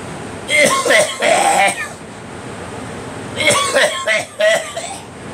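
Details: Two bouts of harsh, loud, voiced, throaty coughing, a few coughs in each bout; the cougher blames allergies, with leaf blowers sweeping a driveway nearby.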